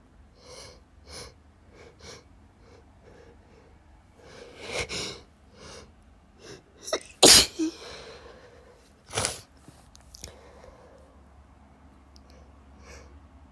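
A run of sharp, explosive sneezes, three of them loud, with small catches of breath and softer bursts between. A sneezing fit.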